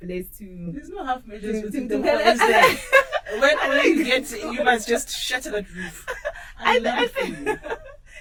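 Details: Adult speaker; normal speech.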